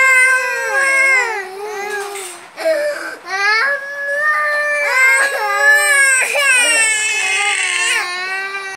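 Sustained loud wailing cry with gliding pitch and brief catches for breath; an ordinary infant cry.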